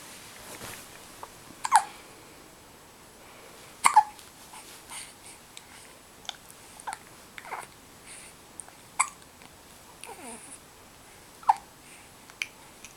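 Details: Repeated short, sharp hiccups at an irregular rhythm, roughly 27 a minute, with soft breathing sounds between them; hiccups.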